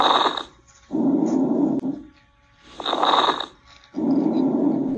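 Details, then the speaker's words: Simulated lung sounds: rough, bubbling coarse crackles through each breath, intermittent and brief, like opening velcro, as inhaled air meets deflated alveoli or secretions. "two types of crackles fine and coarse these are intermittent and brief sounds fine sounds like when you move your fingers through your hair and Co is like opening velcro this happens when inhaled air meets deflated alvioli or secretions let's listen"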